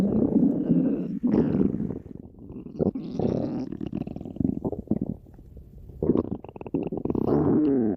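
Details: Loud bowel sounds, low gurgling, rumbling and squelching with irregular bursts and a few pauses; ordinary stomach growling (borborygmi).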